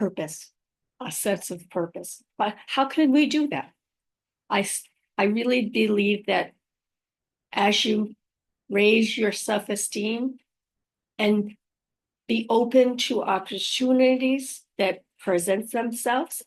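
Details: Aphasia after a stroke in a woman; spontaneous speech with repetitions; aphasia.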